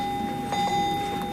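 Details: Patient monitor alarm in a cardiac intensive care unit.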